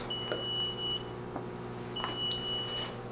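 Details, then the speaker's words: Long, steady high-pitched beeps repeating over room hum and handling noise: a Level One rapid infuser fluid warmer alarming because it is not yet set up, during tubing setup. "also if you do hear the beeping in the background it is just alarming letting you know that it is not set up and ready to go"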